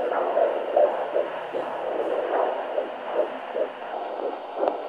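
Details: Fetal heartbeat heard on a Doppler at a midwife appointment, pregnancy nearing the 20-week mark (exact stage uncertain): rapid, regular whooshing pulses at about 150 a minute, a normal fetal heart rate.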